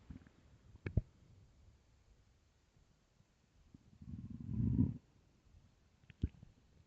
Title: starving stomach growling and rumbling part 1